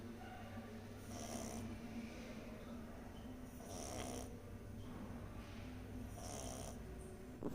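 Soft, rhythmic snoring from a sleeping puppy, with three breathy snores over about seven seconds against low steady room hum.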